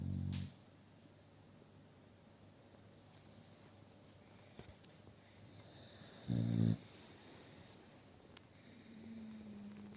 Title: Occupied sofa, sleep, snoring. ♂American Bully XL and two ♀Staffordshire Bull Terrier.